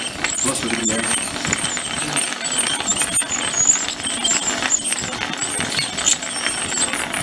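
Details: Ultrasonic tooth scaling on a pug dog at a veterinary clinic: high-pitched buzzing and whining with scraping and rattling, interrupted by short breaks.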